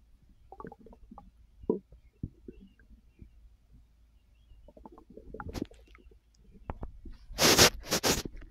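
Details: Adult resting on an overfull stomach after snacking: irregular gurgles and bubbling rumbles with a louder burst near the end; active bowel sounds of digestion after a large meal.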